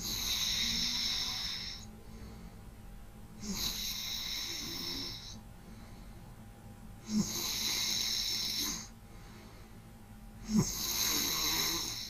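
Soft airy snoring with light breathing, roughly one cycle every three and a half seconds, over faint background hiss; gentle snoring.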